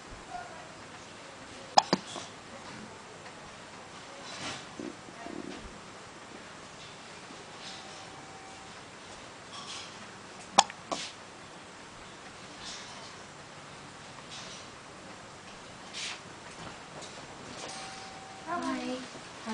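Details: Newborn son with hiccups: a few brief, sharp catches at irregular intervals in a quiet room, with softer sounds between.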